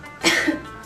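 A single short, harsh cough burst from an adult, acted for a commercial, with faint background music.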